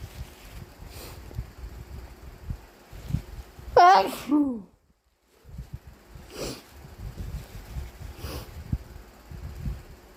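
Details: Adult sneezing induced with chhinkni and a tissue: a single loud, wet, voiced sneeze over faint room noise.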